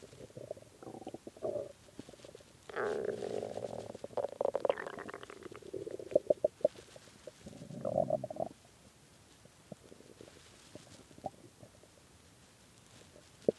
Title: really hungry stomach growling from skipping lunch and dinner and started growling bad at 3:am